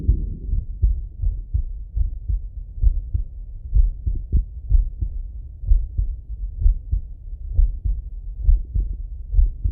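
Low, muffled, steady heartbeat, roughly 65 beats a minute, through a stethoscope; ordinary heart sounds.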